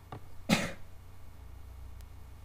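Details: A single sneeze in a quiet room: one short explosive burst after a faint intake of breath.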